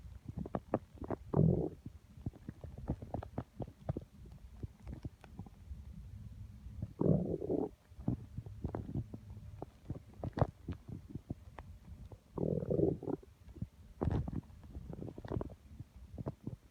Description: Constant grumbling in my tummy. I could feel everything, in fact I could feel it with my hand.